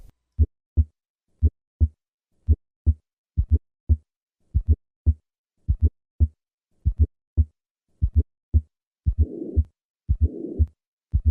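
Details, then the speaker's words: Simulated heart sounds at about 58 a minute: normal heart sounds, then an added fourth heart sound, then the pansystolic murmur of tricuspid regurgitation; tricuspid regurgitation murmur with fourth heart sound. "Listen to the murmur of tricuspid regurgitation accompanied by a fourth heart sound. I will begin with normal heart sounds, and then add the fourth heart sound, and finally the murmur of tricuspid regurgitation."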